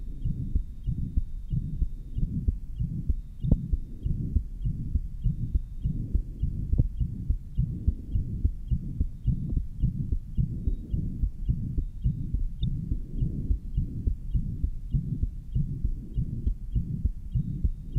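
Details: Heart sounds recorded in 1955 at the Johns Hopkins heart sound laboratory: rapid beats with a near-continuous low rumbling murmur, in tetralogy of Fallot after a Blalock-Taussig shunt.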